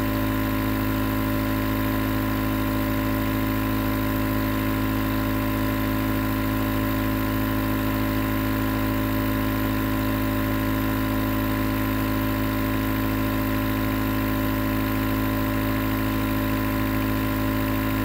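Continuous buzzing compressor hum of a running nebulizer, even and unchanging throughout.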